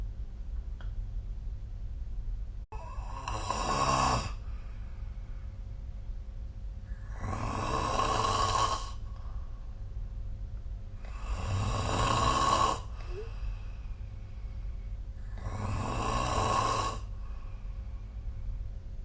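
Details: Loud, rough snores on each breath, about 15 a minute and fairly regular, recorded during sleep with the SnoreLab phone app; snoring.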